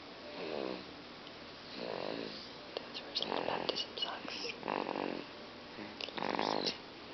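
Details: Sleeping male after his baptism: rhythmic rumbling snores with each breath, about five cycles over seven seconds, with small snorts between; ordinary sleep snoring.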